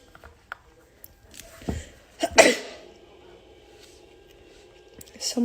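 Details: Charli D'Amelio says she needs to sneeze, then a quick in-breath and a single sharp, explosive sneeze followed by a brief voiced sound; ordinary sneeze.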